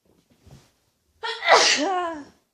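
A soft intake of breath, then a single loud voiced sneeze burst ending with a falling tone.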